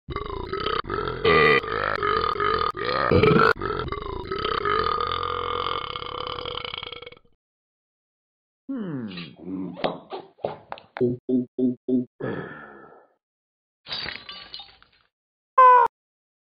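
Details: Dog burping: a long, drawn-out belch followed by several shorter gurgling burps: repeated burping.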